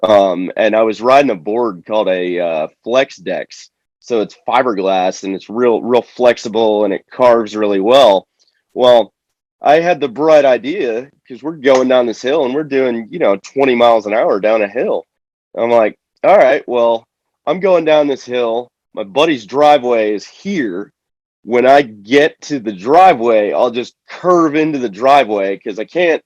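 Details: Adult man speaking; typical speech.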